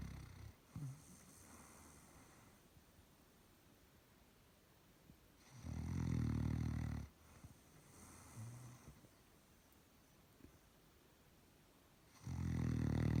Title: Relaxing snoring Doberman dog